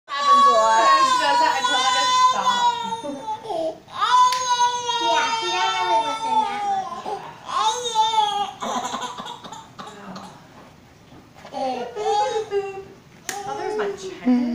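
An infant cries in short, fussy bursts with pauses between, in a small room; ordinary mild crying.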